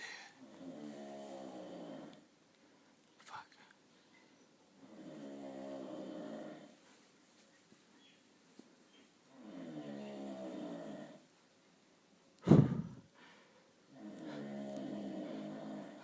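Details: A sleeping person at a beach house, jokingly likened to a hibernating bear: four long, rhythmic, rattling snores of about two seconds each, roughly every four seconds, with a brief sharp noise between; loud snoring.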